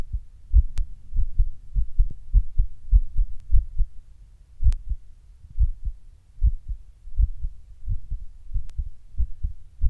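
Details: Someone sitting at rest records their heart suddenly beating weird and hard, intermittently getting fast: strong deep beats with uneven spacing, briefly speeding then slowing; irregular heartbeat.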